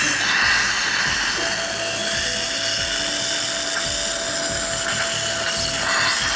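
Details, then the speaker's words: Steady high-pitched whine with faint room noise during implant osteotomy, guided flapless All-on-4 on a maxilla model with a surgical guide: dental implant drill. "this is the three-point to drill for the implant three point eight and this is the three-point to key"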